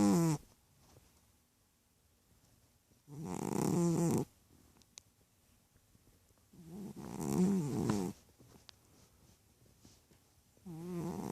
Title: Chubby cat snoring